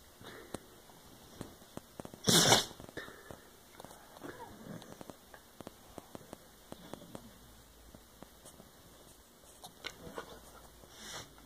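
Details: Female dog sneezing very hard, twice; sneezing.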